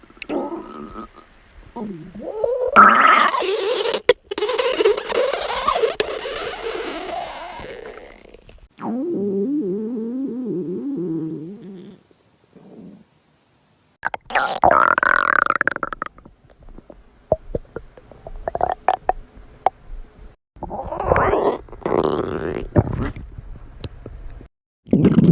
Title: Girl stomach growling ( 4 minutes)